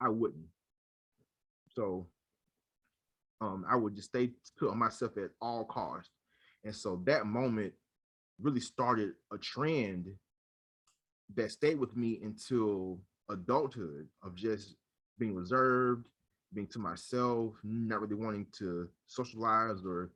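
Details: Adult male podcast speaker who stutters, who says he used silent blocks when younger; stuttering.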